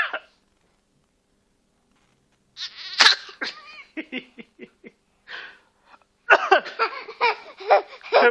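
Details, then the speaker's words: A young child makes a series of short, voiced, fake coughing sounds, imitating a parent's cough rather than truly coughing. "Sen bacak kadar boyundan numara mı yapıyorsun? Gel buraya gel. Abo bu kız da hasta ya. Nasıl öksürüyor ha?"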